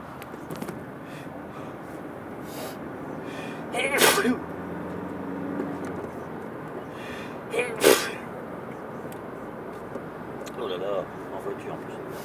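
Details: Sneezing fit while driving: two sharp sneezes about four seconds apart over road noise inside a moving car.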